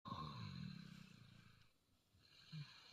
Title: Snoring each other🥱🥱😪 #fatheranddaughter #funnyshorts #snoring #funnyvideo #ilovethemboth #fypviral